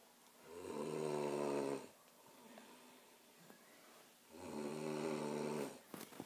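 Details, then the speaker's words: Two long, rumbling snoring breaths about four seconds apart, each with a rough fluttering buzz, in a quiet room; snoring. "Ate snoring. This is Ate snoring."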